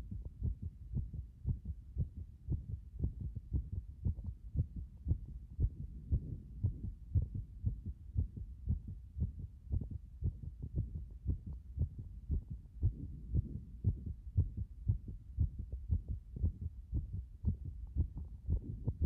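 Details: Heart state after compression: a regular, low thumping heartbeat at about 115 beats a minute, somewhat fast, with a soft muffled hum between beats.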